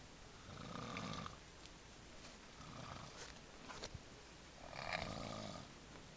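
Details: Snoring during a camping trip: slow, rough, fluttering breaths with a low rattling noise on each breathing cycle.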